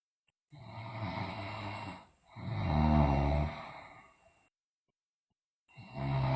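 Loud, rough, low-pitched breathing sounds during sleep, one to two seconds each with pauses between, typical of snoring.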